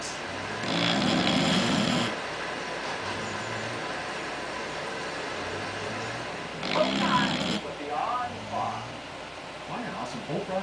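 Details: English Bulldog snoring: two loud, rough, rattling breaths separated by quieter noisy breathing, with some background sounds; snoring from a flat-faced dog.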